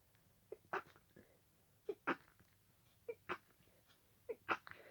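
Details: Sneezing fit that continued an earlier fit and lasted about 20 minutes at this speed: four quick sneezes in under five seconds, each a brief in-breath and then a sharp burst.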